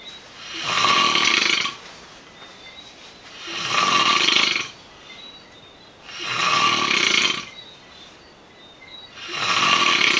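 Four long, hissing, rough breath sounds about 2.5 seconds apart, with quiet gaps between: snoring at roughly 14 breaths a minute.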